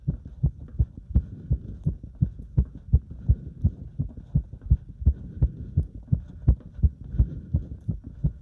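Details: Heart sounds recorded during step exercise: fast, regular heartbeat at about 165 beats a minute, a normal rise in heart rate with effort; exercise tachycardia.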